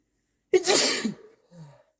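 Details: Sneezing from a sequence of stifled sneezes, big sneezes and false starts: a single sharp, explosive sneeze that fades quickly, with a brief soft sound after.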